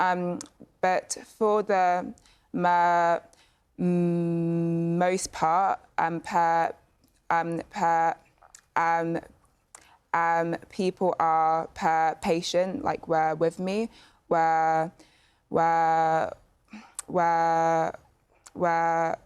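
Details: Stammering in a youth panel member of a stammering children's charity who has a stammer; part-word repetitions and fillers.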